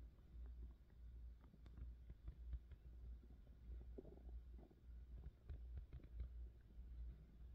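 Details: Adult woman's hunger-related stomach noises: low gurgling and rumbling over a steady deep hum, with irregular bubbling and squelching bursts; bowel sounds (borborygmi).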